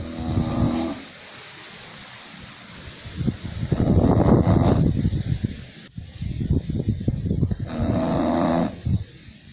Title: Snoring English Bulldog